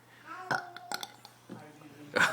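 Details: 7-year-old child burping: several loud, drawn-out voiced belches in quick succession, with a forceful final one.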